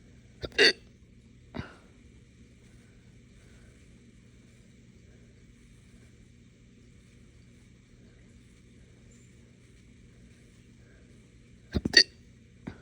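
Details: Hiccups after drinking morning coffee too fast on an empty stomach: sudden sharp hiccup-like bursts with burp quality, two early and a cluster later, separated by quiet; hiccups combined with belching.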